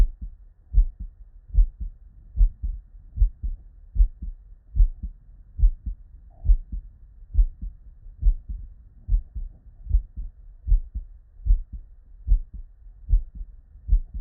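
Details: Real, unedited human heart sound recorded at the bedside: steady lub-dub beats, about 74 a minute, crisp with nothing between them; normal first and second heart sounds.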